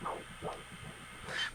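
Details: Fast, regular, galloping Doppler whooshes at about 146 beats per minute: normal fetal heartbeat of a female fetus at 20 weeks of pregnancy, heard over the fetal thorax during ultrasound.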